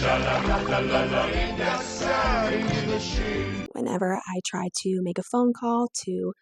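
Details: Adductor spasmodic dysphonia, a neurological vocal cord spasm disorder, in a woman; moderately severe, with onset at age 16-17.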